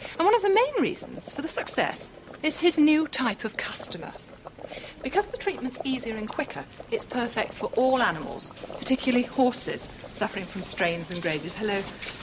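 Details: Adult narrator; normal speech.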